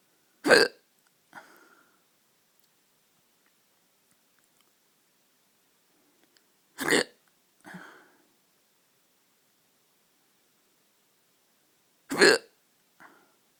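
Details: Hiccups in the middle of the night: three sharp hiccups about six seconds apart, roughly ten a minute, each followed by a soft breath sound, in a quiet room.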